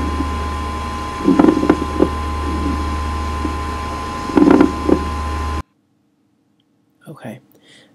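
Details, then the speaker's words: Training lung-sound recording: low, coarse rattling with two breaths over a steady hum: rhonchi, from thick mucus in the larger airways. "that lung sound was ronai once again ronai is the sound of a thick mucousy sound usually in the upper Airways"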